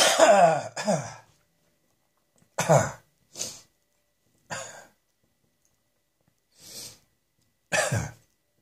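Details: Harsh, dry coughing in short bursts with quiet pauses, no wet or rattling sound.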